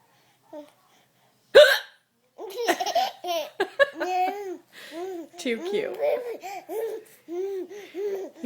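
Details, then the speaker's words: A mother's sharp, sudden hiccup, followed by her baby boy's bursts of giggling laughter at each hiccup; hiccups. "every time I hiccup he Giggles he's such a silly boy got to stop and"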